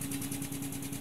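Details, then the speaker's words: SensorMedics 3100A high-frequency oscillatory ventilator in a pediatric teaching demonstration: steady rapid buzzing hum with fast flutter, about ten cycles per second. "I'd like to take several minutes to demystify this device this is a high-frequency oscillatory ventilator as you know this is the sensor medics 3100 a"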